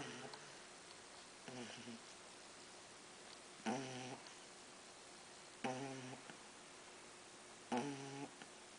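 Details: Pug puppy lying on her back, sound asleep, snoring loudly: soft, rough snorts recurring about 29 per minute, faint against room noise; snoring.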